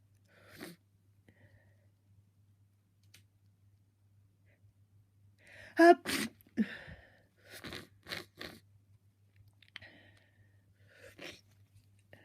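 A soft sneeze, then a loud burst of several sneezes in quick succession, followed by a few muffled, stifled sneezes in a quiet room.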